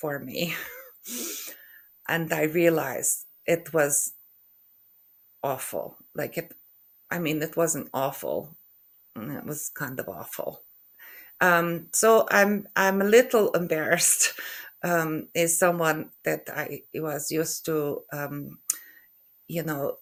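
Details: Aphasia in an adult woman after a stroke in November 2023, with word-retrieval difficulty and halting speech.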